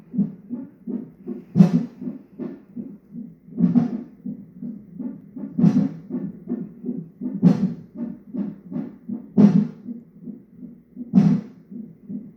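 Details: Fetal heartbeat at 34 weeks of pregnancy on a non-stress test monitor: rapid, steady whooshing heartbeat with stronger, sharper thumps every couple of seconds, possibly fetal hiccups or movement.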